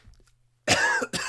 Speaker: had this cough for like 2 weeks, but I feel fine. I can't stop coughing.